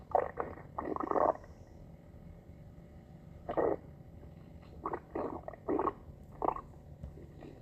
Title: stomach growling